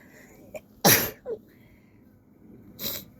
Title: sneezy sunny day haha #sneeze #sneezes #achoo #sniffles #shorts #australia #cold #blessme #bushlife